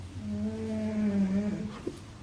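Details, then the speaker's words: Snoring from a sleeping pet during a daytime nap: a steady, low whistling hum lasting about a second and a half, then a short snort. "I know y'all hear that snoring Jean Bean is taking one of his naps one of his many naps that he takes during the day"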